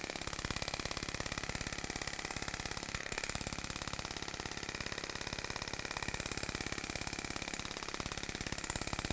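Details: Storz Medical radial shockwave device with Spine-Actor transmitter, used to treat paravertebral muscles, trigger points, muscular imbalance and pain: rapid, very regular clicking pulses, about 3 to 4 a second, with a steady high hiss.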